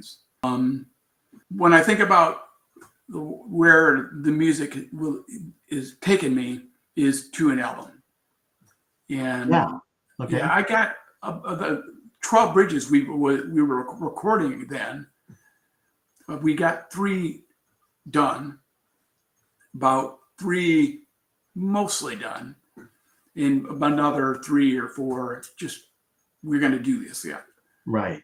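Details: Aphasia in an adult man after a traumatic brain injury from a bicycle accident about four years earlier, with coma, followed by four years of recovery relearning to speak; trouble with words.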